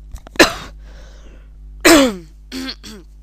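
An adult clears the throat twice with harsh, noisy bursts, followed by two brief voiced grunts.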